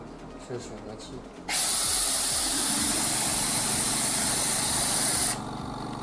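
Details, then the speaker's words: Steady loud four-second hiss of spray from the triple syringe (air and water functions) on a portable dental unit during a demonstration; dental triple syringe spray. "secondly triple syringe which is the cable lift both water and air functions Oh"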